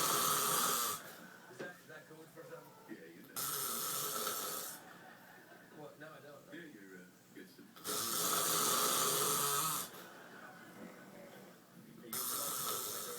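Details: Husband snoring: loud, rasping snores on each in-breath, about one every four seconds, with quieter out-breaths between.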